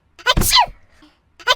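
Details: Sound-effect sneeze, not a real recording: a rising voiced intake, then a loud explosive burst, with a voice starting afterward saying "bless you".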